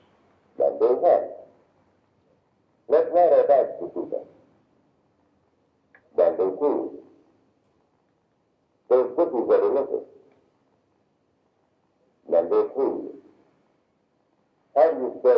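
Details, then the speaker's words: Simulated high-frequency hearing loss, highs filtered out and lows (250–1000 Hz) kept: short spoken sentences sound muffled and unclear, with crisp consonants missing. "see the distinction none of the low frequencies were filtered out 250 500 750 hertz most of a thousand all there but none of the highs"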